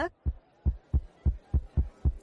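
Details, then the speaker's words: Deep regular thumping heartbeat sound effect from a film scene (Salman Khan's Radhe), quick heartbeat rhythm; heartbeat. "Heart beat. அத நிறுத்தவா?"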